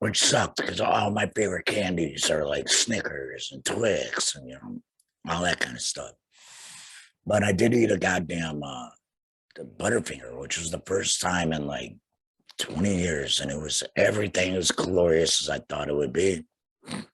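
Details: Male laryngectomee of about two years, larynx removed after cancer, speaking through a voice prosthesis; tracheoesophageal speech after total laryngectomy.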